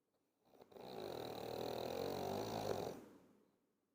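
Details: Human snoring: one rattling, vibrating snore lasting about two seconds, rising then fading, in a quiet room.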